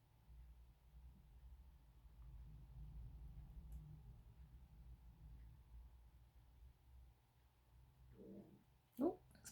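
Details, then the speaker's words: Gurgling from an adult's stomach during a solar plexus clearing session: a brief gurgling rumble over a quiet low room hum; bowel sounds. "tummy responding did you hear that did it come out in the recording"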